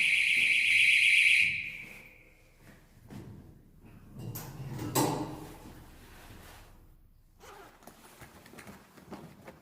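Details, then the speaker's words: Loud, high-pitched electronic beeping alarm for about two seconds, then quiet, as an AED storage cabinet door is opened during a routine AED inspection at a school. The alarm is switched off with the alarm button. "보관 1분을 저는 순간 뿅뿅 하면서 크게 알람이 울리는 데 이걸 듣고 주변 교실이 랑 행정실에서 놀라서 나오 싶거든요 어 내 자 마자 바로 알람 버튼을 꺼 줘"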